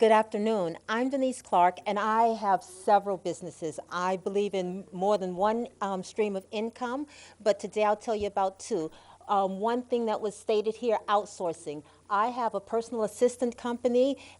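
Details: Adult woman; Normal adult speech.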